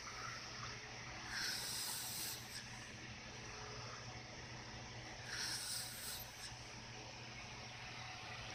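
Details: Two airy, hissing breaths about four seconds apart over steady background hum from a sleeping dog: soft snoring.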